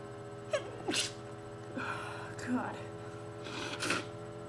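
A few sneeze-like bursts with a sharp breath-in beforehand, over a steady hum in the room: repeated sneezing.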